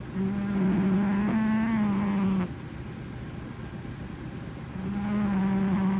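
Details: Blue British Shorthair male cat snoring while asleep on a sofa: a low, buzzing snore rises for about two seconds, is interrupted and falls quiet, then starts again.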